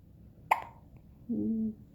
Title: Hiccups need Spooks